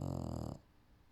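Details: Female English Bulldog snoring during a nap: a single short, deep, rumbling snore, then quiet.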